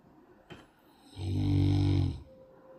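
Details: Tibetan Mastiff puppy snoring in sleep: one deep, rumbling snore about a second long in a quiet room; snoring.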